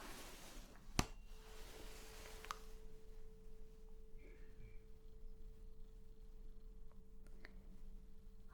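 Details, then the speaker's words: Sharp strike, then a steady, pure ringing tone that slowly fades from a tuning fork during a simulated Weber's test in a roleplay hearing exam for suspected left-ear hearing loss; the patient hears it more on the right. "Okay, now what I'm going to do, that was called Weber's test with the tuning fork."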